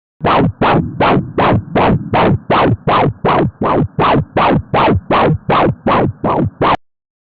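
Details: Fetal Doppler ultrasound with placentomegaly: rhythmic whooshes at about 160 per minute, each falling to silence before the next beat, showing absent end-diastolic flow (AEDF).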